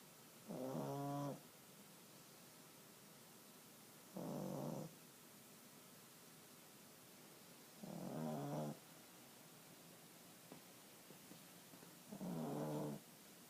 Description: Li'l Sully is a snorer